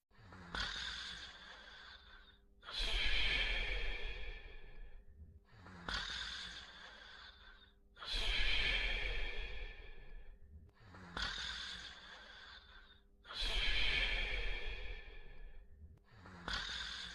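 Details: Simulated cartoon snoring of two sleeping dog characters from a 1990–1992 TV series: steady, loud snorting in-breaths and sighing out-breaths, about 11 cycles a minute; snoring.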